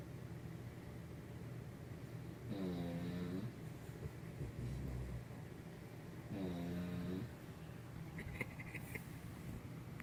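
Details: Loud snoring from a mother who was feeling unwell, and her dog, both asleep after about 10 minutes: two loud, buzzing, tonal snores about four seconds apart over a low steady room hum.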